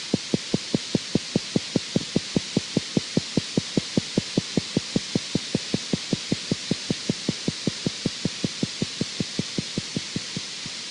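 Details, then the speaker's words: Needle EMG: steady, regular dull pops near 150 a minute with gradual slowing at the end, positive sharp wave type of fibrillation potential; positive sharp waves. "both of them will fire in a regular firing pattern usually with a gradual slowing down so here's an example of a spike form see a try little triphasic Spike and here's a positive"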